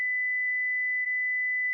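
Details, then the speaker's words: Philips HeartStart FRx AED used on an adult cardiac arrest victim: steady, unbroken high-pitched tone signalling the advised shock is ready to deliver via orange button, followed by prompt to begin CPR. "shock delivered be sure Emergency Medical Services have been called it is safe to touch the patient begin CPR"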